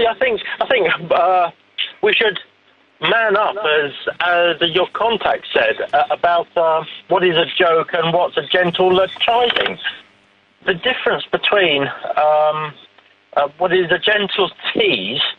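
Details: Adult man who says he has a stammer; stammering.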